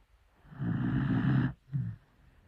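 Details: A sleeping dachshund gives a loud, low rattling snore on a long inhalation, then a shorter second snort; loud snoring.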